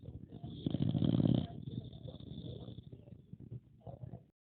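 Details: Loud, rattling, fluttering snore followed by softer snuffling breaths from a sleeping pocket bully dog in a quiet room; dog snoring.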